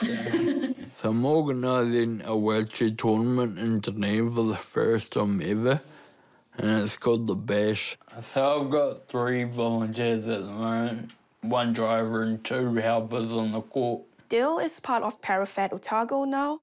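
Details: Ataxic dysarthria in a 29-year-old man with Friedreich's ataxia, a rare genetic degenerative disease. Clumsiness and unsteadiness began in his teens and he was diagnosed at 18. His speech has become slurred and worse over time, and he now uses a wheelchair.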